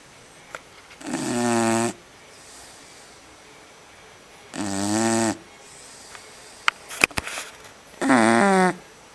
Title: Blast snoring.mp4